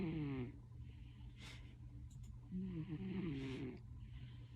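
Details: Sleeping cat with very loud snoring: low rattling snores, two loud snoring breaths with quieter breathing between, over a steady low background hum.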